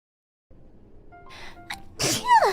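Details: Female streamer's genuine, unsuppressed sneeze, not held in as she usually does: a brief quiet intake, then a single loud explosive sneeze with a vocal trail, over faint background music.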